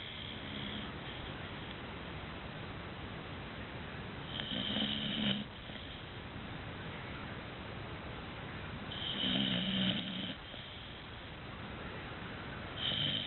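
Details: Sleeping Dogue de Bordeaux puppy giving three rasping, whistly snores about four seconds apart, with quiet breathing between; snoring.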